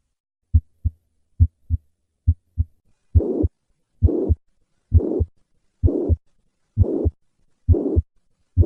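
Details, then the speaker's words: Mitral regurgitation: holosystolic murmur of constant intensity extending to S2, reflecting the persistent LV–LA gradient throughout systole. "this murmur extends all the way to the second heart sound reflecting the significant gradient that exists between the left ventricle and the left atrium throughout systole"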